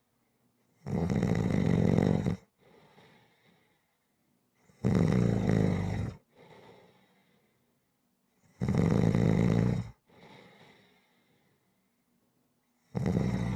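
Loud, regular rumbling snores on each in-breath, about 15 a minute, with a softer breathy out-breath after each.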